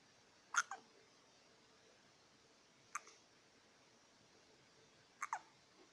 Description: hiccups are fun